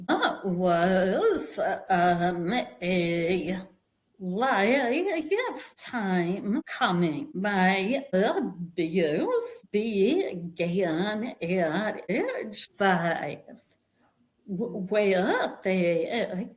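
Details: Vocal tremor in an adult woman, which she attributes to more than 50 years of narcissistic abuse and trauma that began at age five with her father and continued through abusive relationships; a real, not acted, condition.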